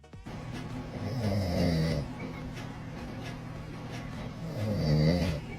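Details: Father snoring while a baby reacts with dislike; snoring sounds with background music.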